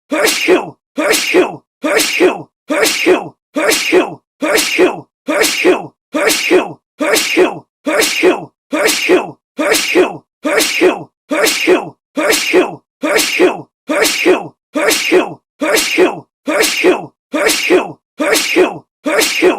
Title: Sneeze sound effect